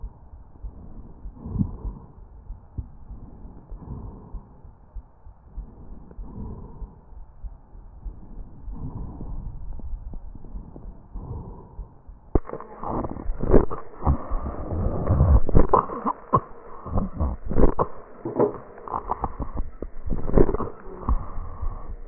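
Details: Tracheal recording: coarse breath sounds with rattling rhonchi and crackles, then louder bursts of coughing; tracheal crackles and rhonchi with cough.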